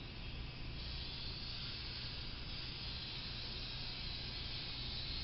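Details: Steady airy hiss with a low rumble underneath from a suction unit being switched on and pressure-checked before sterile tracheostomy suctioning of a ventilated patient on oxygen, possibly a new trach; pressure judged a little too high.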